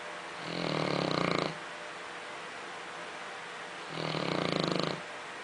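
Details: Dog snoring: two long, rough, rumbling snores on breathing in, about 3.5 seconds apart (roughly 17 a minute), with quiet between them.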